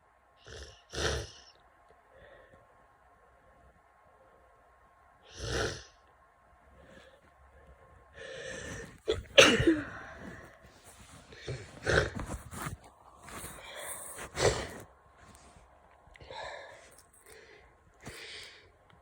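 Repeated sharp sneezes with sniffling and snorting breaths in between, typical of a head cold.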